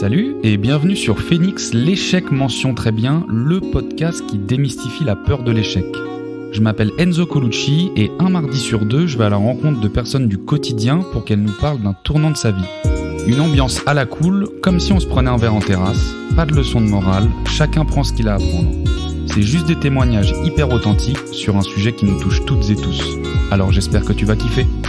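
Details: Adult male speaker; fluent speech.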